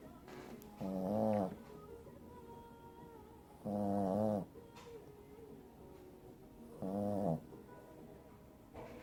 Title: Diamond Snoring So Adorable!!